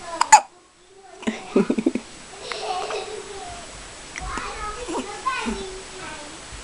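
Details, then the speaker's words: Hiccups in a 5-day-old newborn baby boy, wide awake after a big feed; one sharp, sudden catch of breath followed by a child's chatter and small vocal sounds. "you're 5 days old today and you have the hiccups and it's so cute wide awake he had a big feed"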